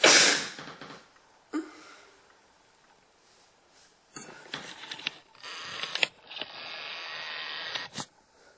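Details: Loud sharp sneeze followed by sniffing and long hissing nose-blowing bursts.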